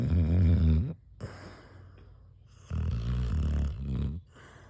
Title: Fat dog snore